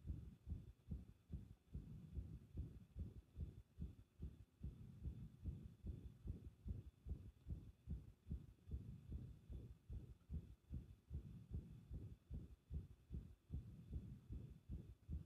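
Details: Arrhythmia: muffled, low heart thumps with uneven spacing between some beats.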